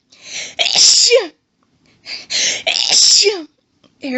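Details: Female sneezing fit while reading aloud: two loud sneezes, each with a drawn-in breath before a forceful burst, and a third starting.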